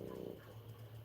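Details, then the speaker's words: A sleeping dog snoring: a low, rumbling snore heard faintly in a quiet indoor room. "And I said, "Guys, that sound is my dog. Hegy snoring his ass off.""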